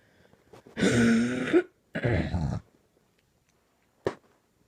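Two harsh, raspy, drawn-out hacking coughs follow each other, then a brief clearing sound, in a quiet room. This is a coughing fit.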